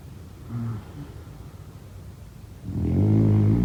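Brief faint breath noise, then a loud, low, buzzing snore on one breath; ordinary sleep snoring.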